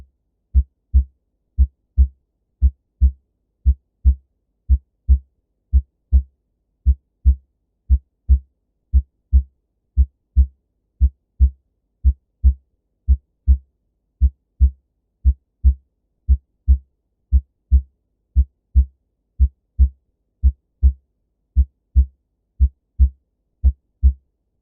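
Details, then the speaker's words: Normal S1 and S2 heart sounds heard with the stethoscope diaphragm: steady paired lub-dub beats at about 58 a minute. S1 is louder at the apex and lower-pitched than S2, which is louder at the base. "그래서 심장 소리는 일반적으로 저음이고 강도가 낮은 소리. 그런데 S1 심음이 S2 심음보다 저음으로 들려요. 이런 특징이 있습니다."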